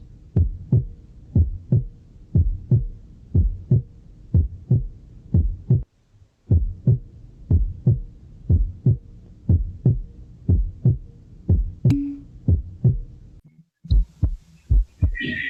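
Regular paired heartbeats at about 60 a minute. Each beat has a low, fuller first sound followed by a shorter, drier, slightly higher second sound, with no added sounds between them. This is a normal S1 and S2 heart rhythm. A brief interruption and some noise come near the end.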